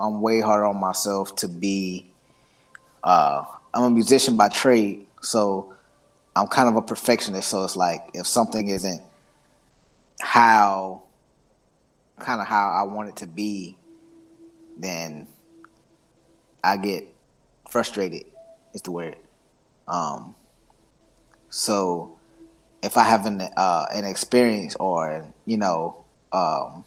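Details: Stuttering in an adult man whose stutter is situational and anxiety-driven and worst when introducing himself or saying his name, with blocks, tics and eye closing to get words out.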